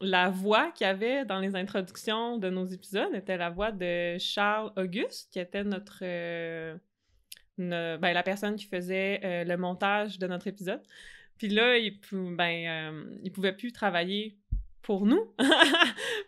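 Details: Adult French-speaking woman who stutters; stuttering.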